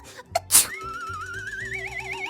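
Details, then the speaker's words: Animated children's hygiene cartoon, not a real recording: one sharp, noisy cartoon sneeze over background music; the character sneezes into their hands. "bless you B but ew you sneezed into your hands now your germs are everywhere"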